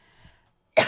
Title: Coughing AGAIN in Breakfast Club Interview, Jokes about Medicinal Marijuan